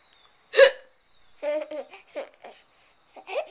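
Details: Flip Video camcorder recording: a sharp hiccup followed by bursts of laughter, with one more hiccup-like catch at the end; hiccups.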